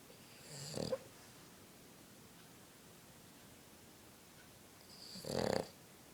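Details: Snoring: a Boston terrier dog snoring while asleep on a couch.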